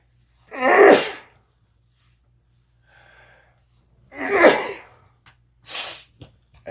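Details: Three forceful sneezes with sharp intakes of breath between them in a quiet room; a repeated sneezing fit that just keeps on going.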